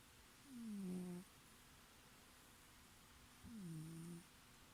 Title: cute cat snoring